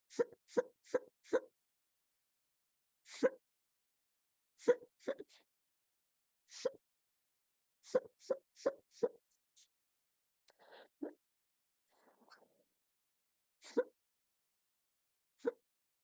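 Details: Induced hiccups filmed with a stomach view: soft, sharp, rapid-fire quiet hiccup pops, often in clusters of two to four, about sixteen in all, irregularly spaced.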